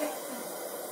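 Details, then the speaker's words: Simulated training demo on a patient in respiratory distress with gurgling lungs: steady, even hiss of oxygen flowing once the CPAP unit is connected to an oxygen bottle. "Um, basically what he's doing over here is hooking the CPAP unit into an oxygen bottle. You can hear once you connect it, the oxygen is already on."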